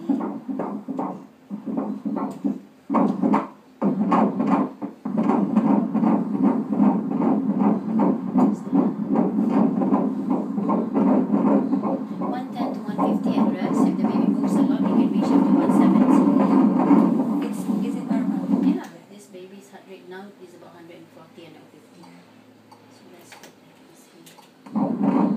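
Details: Fetal heartbeat of a baby boy at 16 weeks of pregnancy on Doppler at a prenatal check-up: rapid, regular whooshing at about 154 beats a minute, within the normal range.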